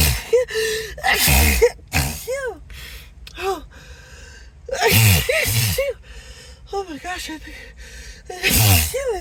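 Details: Acted, announced sneezing fit with apologies; the person suspects an allergy. Three loud sneezes, each led by rising, gasping in-breaths and whimpers, with faint background music.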